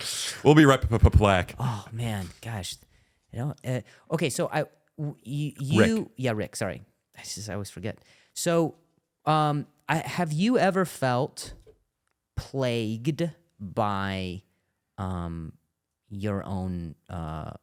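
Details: Adult male comedian with a stuttering disorder, attending speech therapy, speaking in conversation; stuttering.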